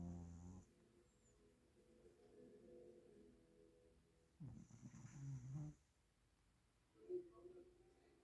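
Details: A few low, rumbling breath noises with long quiet gaps, consistent with a pet snoring.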